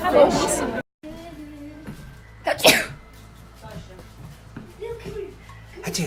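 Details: Sneezing: a sharp burst of sneezing, then a cut and another brief explosive sneeze, over background music and talk.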